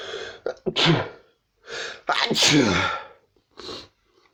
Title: lots of sneezes and sniffs